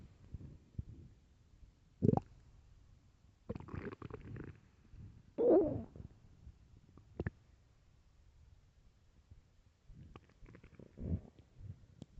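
Scattered short gurgles and a few longer growling rumbles against quiet: stomach growling from hunger.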